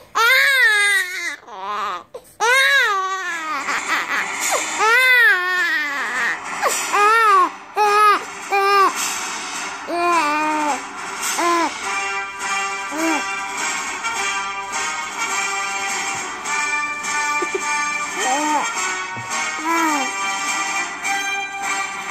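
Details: Infant crying in rising and falling bursts that ease and fade as the Imperial March plays.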